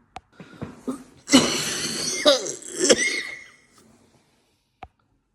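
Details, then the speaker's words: Acted, simulated coughing fit by an adult in a comedy skit: a harsh, drawn-out fit with strained, noisy bursts after a few brief sounds. "that's what that's what happens when you have too many sweets when you have fizzy drinks when you don't take care of yourself"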